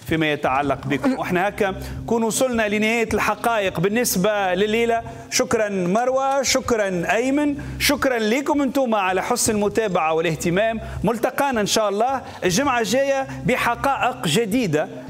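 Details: Adult TV host (male and female voices); Normal speech.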